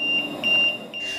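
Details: Repeated high-pitched electronic beeps over low room hum: the home ventilator alarm of a man paralyzed after a fall from a roof, ventilated via tracheostomy for over a decade.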